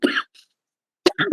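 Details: A woman coughs several times (she is said to be coughing fits) while talking.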